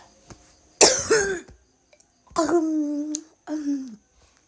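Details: Girl's harsh cough burst followed by strained, drawn-out voiced retching; coughing with vomiting.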